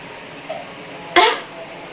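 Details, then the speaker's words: Nursing student demonstrating effective cough after deep breathing, holding a sputum pot: one fairly strong, sharp cough burst to clear secretions. "diusahakan untuk batuknya itu sedikit agak kuat supaya sekret dapat dikeluarkan dengan baik"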